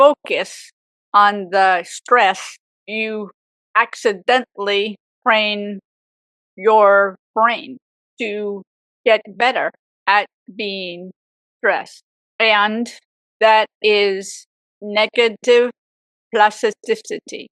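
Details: Aphasia with apraxia of speech in a woman 18 years after a severe stroke at age 44.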